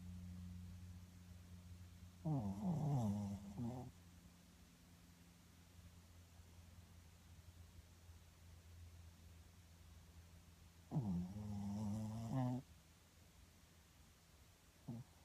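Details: Shih Tzu dog sleeping while cuddled under its owner's arm gives two drawn-out, rattling snore breaths with quiet breathing between over a low room hum; snoring.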